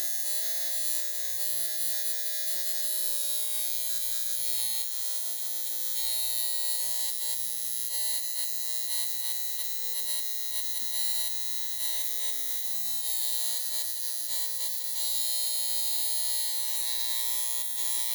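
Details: High frequency facial device on a higher-than-usual setting, tapped on individual blemishes on the skin; steady high-pitched electric buzz with faint fast pulsing.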